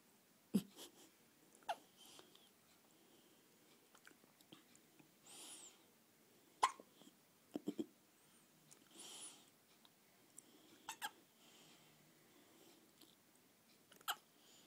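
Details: Three-day-old infant hiccuping: soft, sharp clicks at irregular intervals, roughly ten a minute, with quiet breathing between.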